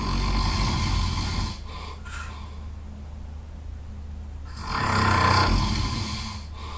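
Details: Loud, harsh, rattling snores on each in-breath with quieter out-breaths between, from a sleeper who was very tired; heavy snoring.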